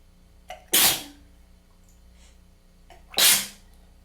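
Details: Tickly, congested sneezing fit blamed on a weather change: two forceful sneezes, each with a short catch of breath before it, over a low room hum.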